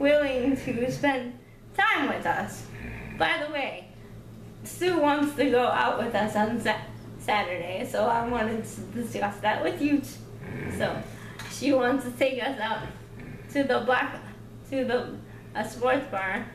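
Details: Adult woman with cerebral palsy who is able to talk; no specific speech disorder named; speech in cerebral palsy.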